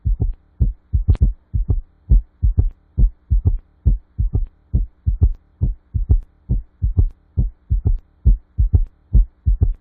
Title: S3 Gallop Heart Sound - Tiếng tim ngựa phi - Tiếng tim T3